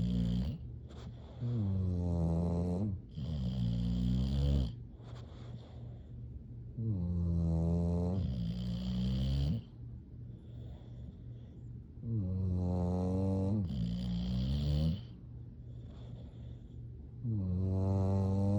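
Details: Bulldogs Hank and Lucy asleep, loud, deep, rattling rhythmic snores with long voiced breaths, about 11 a minute, with snorts; snoring.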